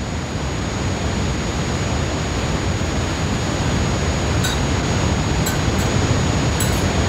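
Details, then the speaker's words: Simulation of tinnitus: a steady high-pitched whine over a constant rushing hiss, unchanging throughout. "and having a ringing in my ear afterwards, which I thought was just part and parcel of going to that gig, of course, one day that ringing never stopped."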